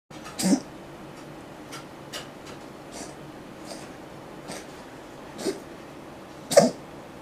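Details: Cat, said to be feeling unwell, coughing: three short, sharp coughing bursts with softer breathy sounds between them.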